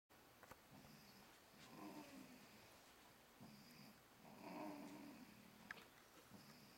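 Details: Seconds after screaming, now asleep: soft, irregular low snoring breaths, roughly 20 a minute, against quiet room noise; snoring.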